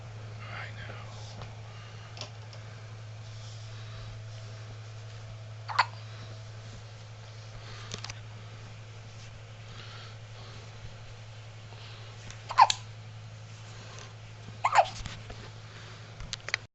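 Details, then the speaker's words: Tired subject with a pretty bad case of hiccups that make his whole body shake: three sharp, brief, irregularly spaced hiccups over a low hum and quiet whispering; hiccups. "oh I think he's tired but the hiccups are preventing any rash right now"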